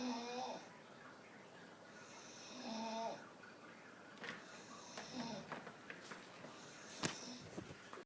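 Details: Staffordshire Bull Terrier snoring while sitting with eyes wide open: rasping, whistling snores roughly every three seconds with noisy breaths between.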